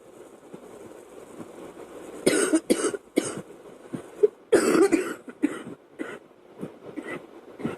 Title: Girl coughing 185